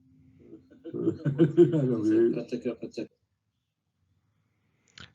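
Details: Quiet, monotonous speech; hypokinetic dysarthria.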